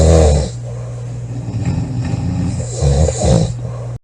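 Loud, low rattling snores during inhalation, with quieter breathing between them; typical loud snoring.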